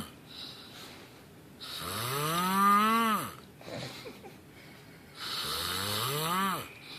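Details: Loud, drawn-out snoring with rising and falling whistling, groaning pitch; two long breaths heard.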